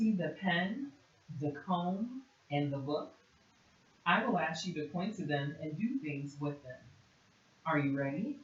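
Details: Adult clinician; typical speech.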